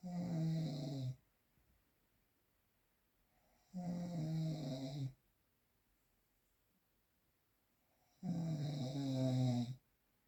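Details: Real, unprocessed recording: three loud, rattling snores on breaths about four seconds apart, roughly 13 a minute, with quiet pauses between; typical sleep snoring.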